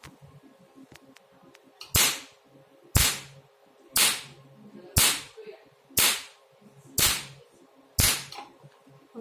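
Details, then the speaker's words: Handheld pico laser test-firing the 1064 nm tip at highest energy (up to 2500), sharp snapping pulses about once a second, eight in all; very strong power, demonstration before treatment. "you can see the power is very strong okay stop"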